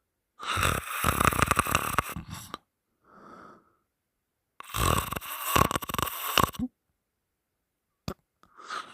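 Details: Sleeping person snoring loudly with mouth open while boyfriend holds the nose shut: two long, loud, rattling snores with a softer snore between, then brief noises.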